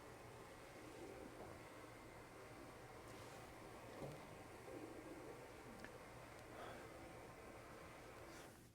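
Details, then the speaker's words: Amplified recording from a human external ear canal with no spontaneous otoacoustic emissions: steady hiss, faint low hum, a few soft bumps from breathing or jaw movement, no sustained tone. "First, we'll hear the ear that has no spontaneous otoacoustic emissions."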